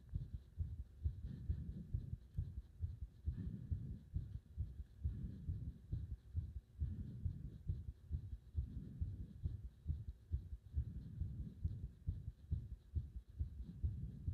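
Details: Heavy low thumping heartbeat, fairly regular at roughly 136 a minute, from a heart nearly stopping under compression; the slowing toward arrest is not clearly heard.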